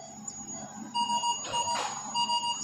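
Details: Repeated high electronic ventilator alarm beeps with brief hisses of gas flow, during ventilator setup with oxygen on; a sensor is reportedly faulty.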